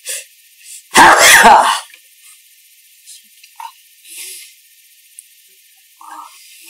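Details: One loud, forceful sneeze with a drawn-out voiced burst, then soft breaths and sniffs in a quiet room, as a couple sneeze.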